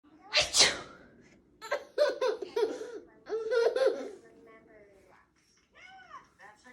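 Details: One loud explosive sneeze from the mother, then bursts of giggling laughter from her baby of about one year; a single ordinary sneeze.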